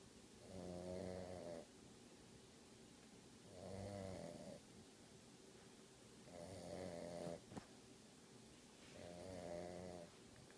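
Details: Female sleeping with her eyes open and snoring: four rhythmic, rattling snores, each on the in-breath, about 22 a minute, with quiet pauses between.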